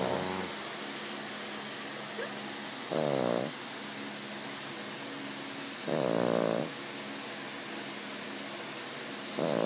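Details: A 6-year-old Cavalier King Charles Spaniel snoring; she snores all the time.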